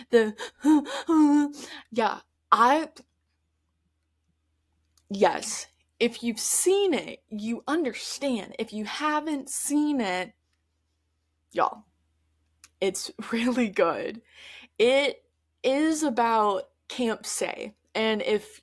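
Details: Adult woman who stutters, speaking conversationally on her podcast; stuttering.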